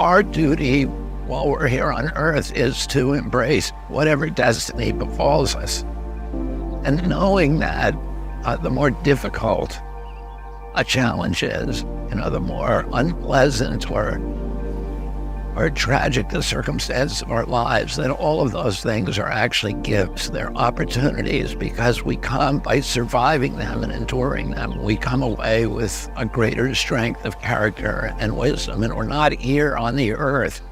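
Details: Spasmodic dysphonia in a 70-year-old man, a neurological voice disorder that began at age 42; the voice trembles and sounds raspy and croaking, where before age 46 he had a very strong voice.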